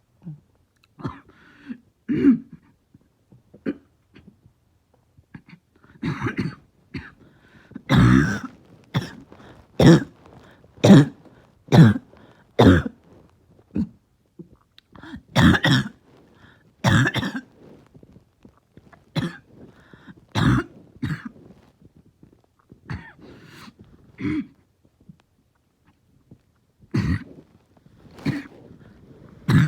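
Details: Adult with a barking cough and chest really hurting: repeated harsh, explosive coughs in irregular bouts.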